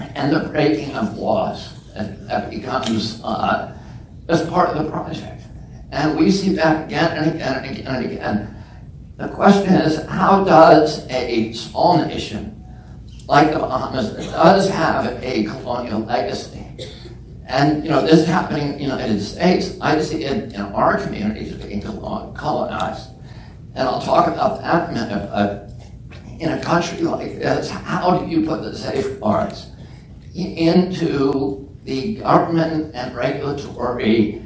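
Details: Adult man with spasmodic dysphonia, which he calls spasmodic dystonia, that makes his voice tremble. Onset at age 42 after a previously strong voice. He says it lessens or goes away after speaking a while and is not painful. Real speech.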